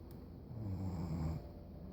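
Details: Pregnant woman, who only snored while pregnant, asleep on a couch: a single low, rattling snore on the in-breath, with quiet breathing before and after; snoring.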